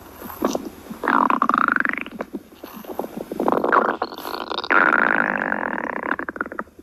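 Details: Stomach growling: bubbly gurgles and long rising and falling rumbling squeals that come and go over several seconds; borborygmi.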